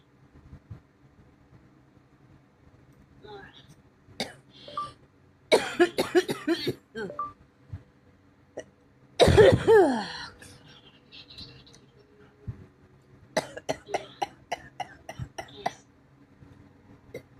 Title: not feeling well 😔 i have a bad cough my chest hurts from coughing my ribs hurts from coughing 😔